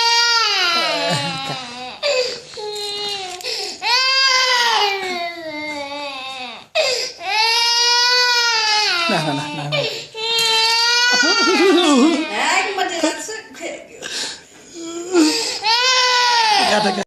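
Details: Infant crying loudly in long, high-pitched wails with brief gasping pauses; no cough heard.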